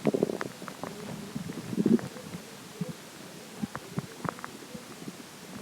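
Soft, irregular gurgles and bubbling pops with a low rumble; ordinary stomach growling.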